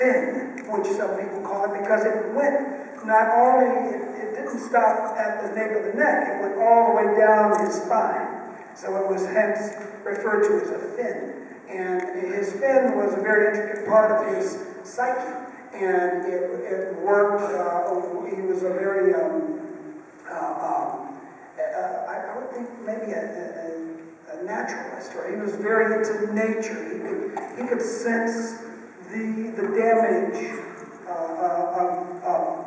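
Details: Adult male with unilateral vocal fold paralysis from a childhood clothesline injury to the neck; one vocal cord bowed, one paralyzed, with excess air escape; dysphonic, raspy voice, present ever since the injury.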